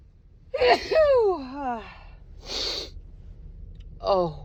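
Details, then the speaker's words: Female adult with a cold in a morning sneezing fit, nose sore from wet sneezes: high gasping inhalation with voiced sigh, then a sharp sneeze and another catching breath. "It's cold. It just all in my nose, but it feels so good to just sneeze them out."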